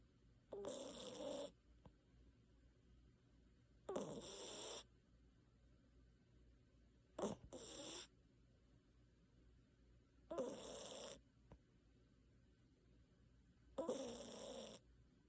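Regular breathing, about 18 breaths a minute, with soft, airy, hissing snores on each breath in a quiet room.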